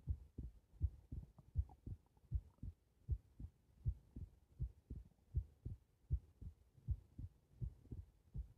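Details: Normal heart sounds recorded with the subject lying supine: soft, regular low heartbeat at about 79 beats per minute.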